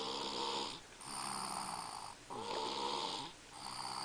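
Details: Continuous noisy, hissing snoring breaths with brief dips between them, about two cycles in four seconds, from a person with strep throat who was snoring more than usual.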